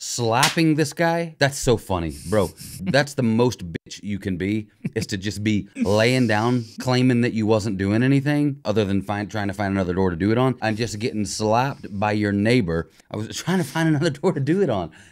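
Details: Adult male speaker; normal speech.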